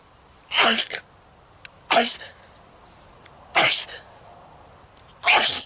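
Four sharp, explosive sneezes in quick succession, a sneezing fit linked to allergy.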